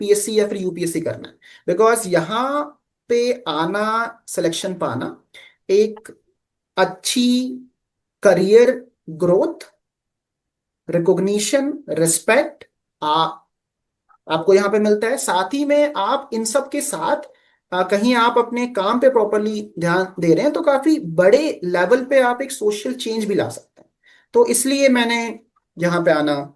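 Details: Adult man with severe stammering since childhood, now largely managed but still stammering at times; stuttering.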